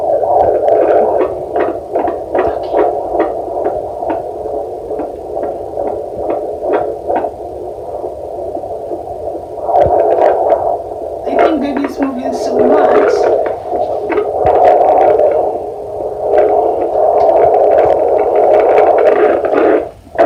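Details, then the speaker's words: Normal fetal heartbeat in pregnancy heard on Doppler with gel: a fast, regular whooshing at about 140 per minute from an active, moving baby. "very good heartbreak happy baby so usually we count this for um a minute and just listening to it it's like 140s"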